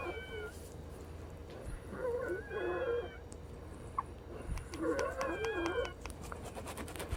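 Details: Female patient's wheezing recorded around 5 PM, about three hours after a breathing treatment with Brovana and Pulmicort; two drawn-out, wavering musical whistles with breaths, a few seconds apart, lungs sounding stuffy; wheezing from narrowed airways.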